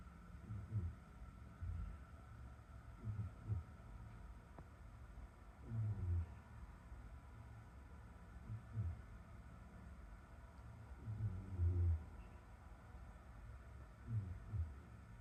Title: Cat snoring in bath